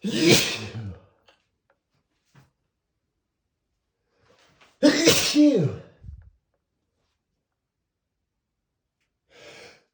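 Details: Spraying sneezes in a male, not stifled: two loud, forceful open sneezes about four seconds apart, then a faint breathy sound.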